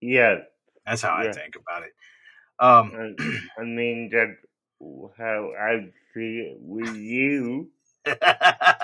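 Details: Adult male with cerebral palsy that affected his voice; he cannot walk and has muscle spasms; dysarthria (cerebral palsy).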